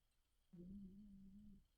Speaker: my um i don't know if you can hear that my cat is snoring a little tabby in the woods here taking a snooze